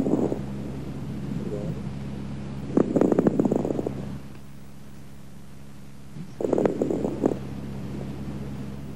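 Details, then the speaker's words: Fine crackles on lung auscultation: two breaths with bursts of soft, high-pitched, very brief crackling clicks, discontinuous and non-musical, over a steady low hum. "Fine crackles are soft, high-pitched and very brief."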